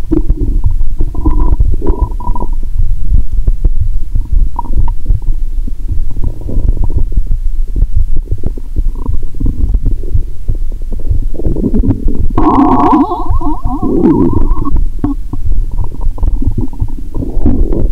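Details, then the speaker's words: Bowel sounds (borborygmi) from the upper abdomen, heard by stethoscope after drinking cola with Mentos, stomach painful, sleepy: loud, continuous low gurgling and rumbling with bubbling bursts; the sounds are also audible without the stethoscope. "Bạn có thể nghe thấy âm thanh khác từ bụng trên 👂 ♪. Bây giờ có ai ợ hơi trong bụng không? 😂."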